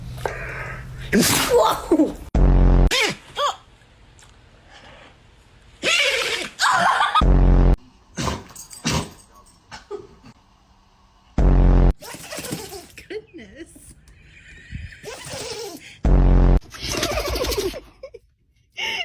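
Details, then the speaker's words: A dog sneezes several times in sharp, explosive bursts, with short musical stings between them. "you okay? You gotta sneeze? Good."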